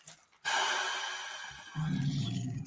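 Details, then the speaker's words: A dog snoring loudly with a rough rumble likened to a tractor running. "hear that tequila [ __ ] dog snoring dude I thought it was a tractor or something running"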